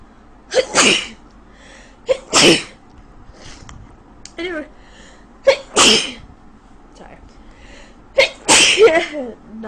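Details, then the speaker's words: Woman with a bad cold sneezing in bed in the morning: four sneezes in quick succession, each a short sharp intake then an explosive burst, with brief murmurs between. A sneezing fit. "it's me season my ass off because I have the worst cold ever"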